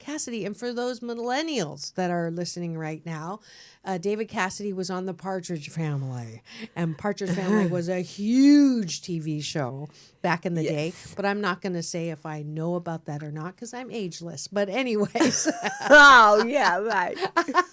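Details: Adult woman speaking; normal speech.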